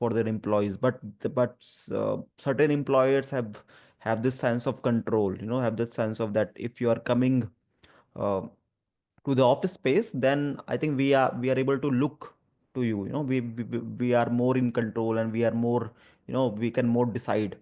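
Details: Adult male who stammers and also has dyslexia and dyspraxia; real spontaneous speech with word repetitions; stuttering.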